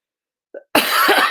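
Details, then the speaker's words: Adult cough during a virtual poetry reading; the reader says the cough is acting up, possibly from not taking Claritin that day. A brief catch of breath is followed by a single harsh, noisy cough. "today hasn't been my best reading because as you can hear my cough is acting up I probably have not taken my Claritin today"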